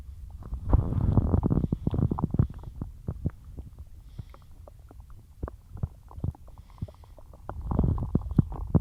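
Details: Bloated stomach growling after a large lunch of cheesy pasta and milk: low gurgling and rumbling with rapid irregular pops and bubbling, louder at start and end; borborygmi.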